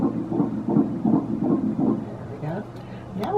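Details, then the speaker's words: Rapid whooshing Doppler beats at about 160 a minute in a regular rhythm, recorded during a 13-week NT ultrasound scan while the mother lay on her side; normal fetal heartbeat. "So, before it wakes up, let's get a heartbeat down in there."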